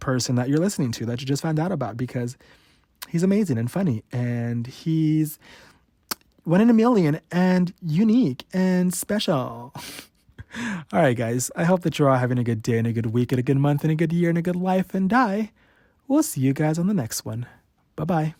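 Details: Adult male with stuttering since about age 5–6, worse since his teens; real, unedited stutter: stuttering.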